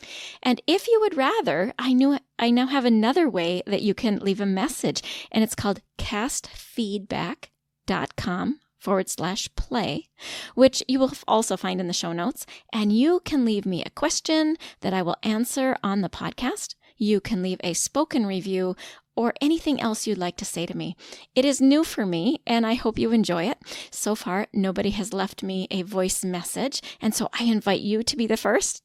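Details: Adult woman; typical speech.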